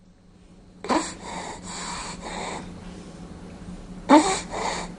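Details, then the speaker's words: Child with upper airway obstruction from acute laryngotracheitis (croup): harsh, drawn-out, prolonged noisy inspirations with a steady hum behind, which is inspiratory stridor. "child obstruction of the upper Airways causes a prolonged inspiration in this particular case it is caused by acute luring go tracheitis also called croup"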